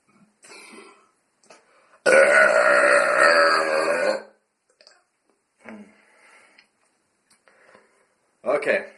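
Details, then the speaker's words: Deliberate belching without drinks, using stomach muscles trained for years and inhaling into the stomach: a loud, prolonged voiced burp of about two seconds, with quieter breathy sounds before and after. "I've been teaching my stomach muscles to extract and expand for years so doesn't hurt uh when I inhale in my stomach this makes insanely loud"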